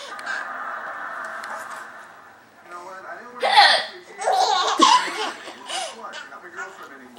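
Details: Grandmother making hiccup sounds, possibly fake hiccups, to amuse a giggling child: several short, abrupt voiced hiccups mixed with giggling and laughter.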